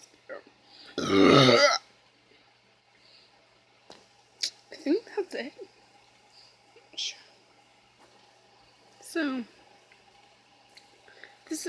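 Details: One loud, long, rumbling belch after quickly drinking nearly a whole can of Pepsi, then quiet room sounds and faint voices; burping.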